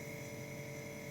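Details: Pulmonologist's demonstration of nebulizer assembly errors: compressor running with mouthpiece attached upside down so no mist forms, then corrected; steady mechanical hum and buzz of air pushed through tubing.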